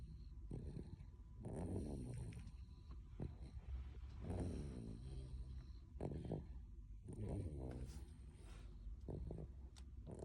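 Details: Toddler: soft, rough snores on each in-breath, about four breaths in ten seconds, roughly 24 a minute; snoring.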